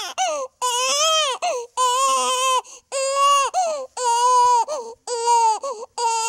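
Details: Infant cry sound effect, made on a sound-effects website: rhythmic, high-pitched wails of about one second each, with brief breaths between them.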